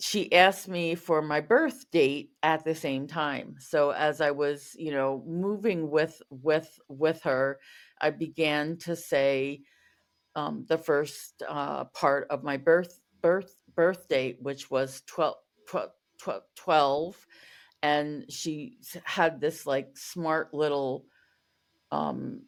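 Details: Stuttering in an adult woman, a covert stutterer for over 35 years, with repetitions and part-word repetitions; real, not acted.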